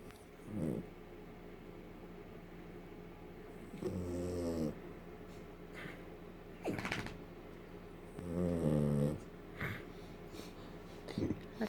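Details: Small sleeping border terrier, tired and worn out, snoring like a piggy: slow, rumbling breaths with a rattling buzz on each, a few seconds apart.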